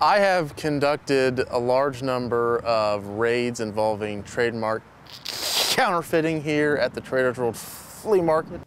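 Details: Adult male police detective who has stuttered since childhood, more noticeable as he has aged; stuttering.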